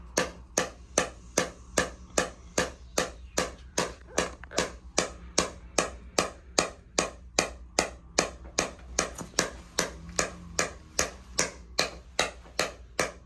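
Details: Radial shockwave therapy late in an adult male runner's second session on the left SI joint, hip and low back (history of nerve pain): steady, evenly spaced sharp clicking pulses about 150/min over faint room noise.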